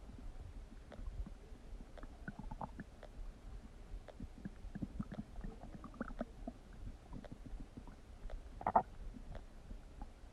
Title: Huge Stomach Noises | My Stomach Makes Noises